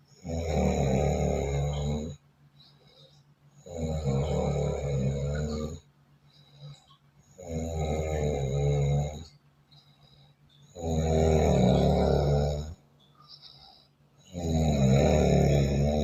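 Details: Very loud, buzzing, engine-like snores, about 4 per minute, each roughly two seconds long; heavy snoring.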